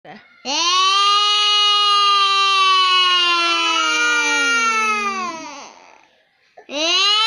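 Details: One long, loud, tonal wail that falls away, then another cry begins: an ordinary infant cry, with the baby said to be frightened by an older sibling's voice.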